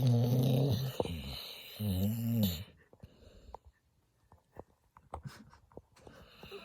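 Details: A sleeping dog gives two loud, low, rattling snores, then quieter breathing with faint clicks and shuffling: snoring.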